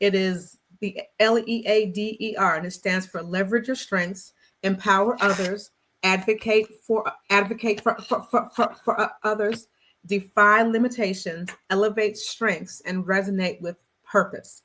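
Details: Stuttering in an adult woman who describes herself as a person who stutters, speaking in a conversational interview.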